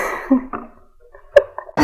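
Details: Japanese female voice actor sneezing: two soft sneezes with brief catches of breath before each and a little voiced sound between them; sneezing.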